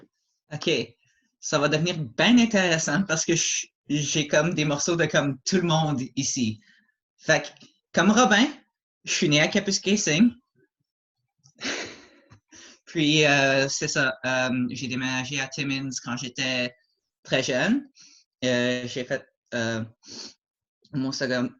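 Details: Adult male who stutters, mild to moderate depending on circumstances and day, with repetitions and blocks; French speech; stuttering.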